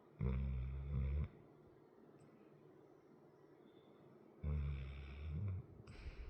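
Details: Sleeping dog, about 100 lb, with a chronic crusty nose, snoring: deep, rattling snores in slow cycles, two long bursts separated by quiet breathing.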